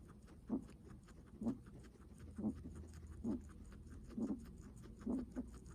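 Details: Guinea pig with soft, regular breaths at about 65 a minute, each a brief rasping puff. Heavy, laboured breathing.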